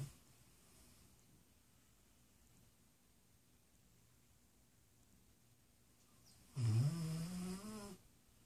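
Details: Quiet room, then a single deep, rumbling snore lasting over a second from Brutus, a sleeping dog.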